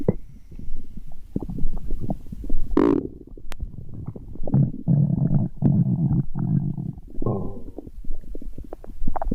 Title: My stomach growling #kawaiistuff #cute #toocutetohandle {🧠}